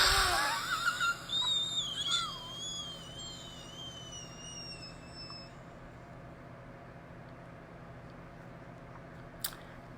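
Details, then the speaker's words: Adult with hypermobile Ehlers-Danlos syndrome and dystonia demonstrating expiratory stridor from throat dystonia: a high, whistling, wavering tone on a forced breath out. "so if you have trouble swallowing breathing out or you have a strider or a wheeze when you breathe out if it sounds like this when you breathe"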